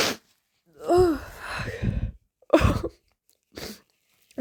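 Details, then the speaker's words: Person trying to hold back a sneeze into a tissue: voiced drawn-in breath builds, then one forceful wet sneeze bursts out, brief sniff after; wet sneeze. "I'm trying to hold it back, but Oh, I think I'm going to make a mess."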